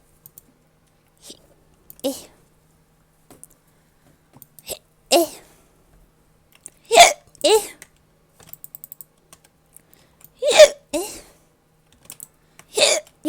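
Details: Short voiced hiccup sounds from a female streamer, recurring irregularly at about 17 a minute, with faint keyboard clicking in the background; hiccups.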